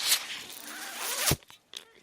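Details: Speaker's own mechanical ventilator, its noise heard in the background of a podcast recording; mechanical ventilator sound.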